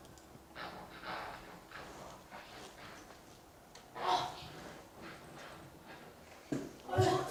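Hoarse, hissing speech-like bursts with no clear words, simulating hearing through a cochlear implant with few channels; a louder room noise closes the clip.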